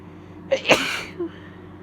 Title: Wet Induced Cold Sneezes (F)